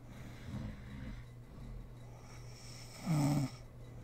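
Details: Mother snoring while sleeping, ASMR recording: soft breathing sounds, then a short louder rough snort-like snore over a low background hum.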